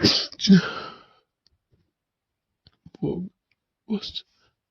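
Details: A desperate, intense sneezing fit after sniffing too much chhinkni: two forceful sneezes in quick succession, then a pause and two smaller sneeze-like bursts.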